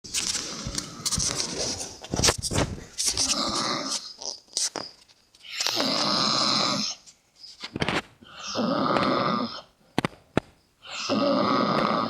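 Loud, rough, rattling breath sounds in irregular bursts during sleep, typical of heavy snoring.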